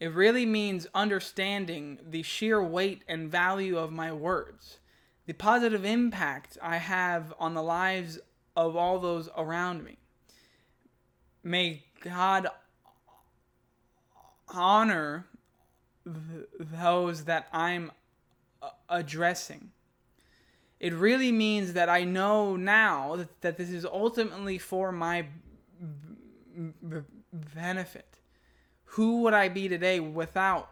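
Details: Adult man who stutters, reading his own text aloud; repeated words and phrases; stuttering.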